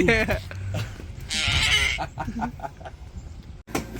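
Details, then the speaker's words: Home tracheostomy suctioning of a ventilator-dependent toddler: hissing, gurgling suction bursts clear secretions she coughed up into the trach, with short vocal sounds and rhythmic clicks. "So, I'm going to suction out the trach area. Got to go back into her throat and suction out the boogers that she coughed up."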